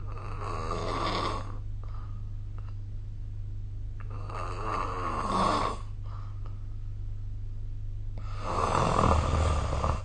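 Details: Snoring recorded with the SnoreLab app during sleep: loud, rough, rattling breaths in a slow repeating rhythm with snorts over a steady low hum; adult snoring.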